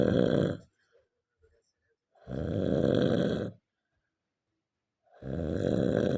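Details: Simulated cartoon snoring from an animated comedy short: deep, buzzing, drawn-out snores repeating every few seconds with silent pauses, snorts and groaning.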